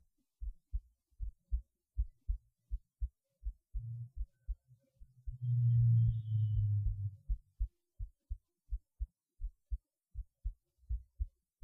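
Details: Heartbeat recorded through a cheap acoustic stethoscope; soft paired low thumps about 100 a minute with a burst of rubbing noise midway.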